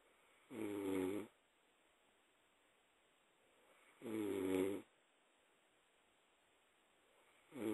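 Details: Persian cat snoring during sleep: soft, regular buzzing snores about every 3.5 seconds, roughly 17 per minute, with silence between.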